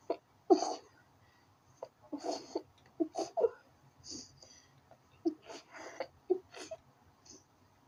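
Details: Sudden uncontrollable sneezing fit: several sneezes in quick succession with short catching breaths between.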